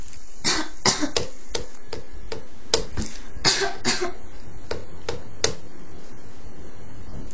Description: my baby is trying to mimic me cough.